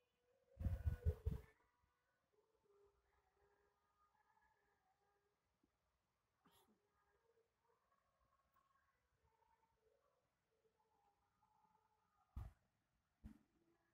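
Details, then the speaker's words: A short burst of several wet coughs while asleep, then quiet breathing and a couple of brief sounds; person ill with cough and suspected airway narrowing, recorded lying asleep. "Kali ini Ane akan merekam ini Ane yang lagi sakitan kurung mengalami gangguan batuk atau penyempita"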